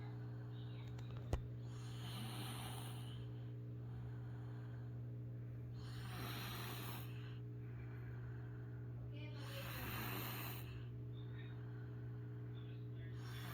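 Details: Three soft, rough breathing sounds about every four seconds over a steady low hum; quiet snoring.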